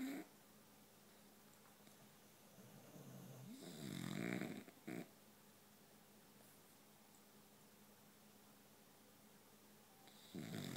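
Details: Sleeping boxer dogs: one adopted a week ago, another asleep on the other couch making muffled gorilla-like sounds. A long, rattling, low snore builds and then fades over a steady background hum; dog snoring.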